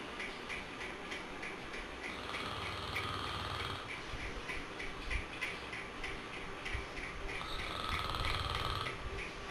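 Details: Rhythmic snoring breaths over steady ticking and a noisy background: snoring.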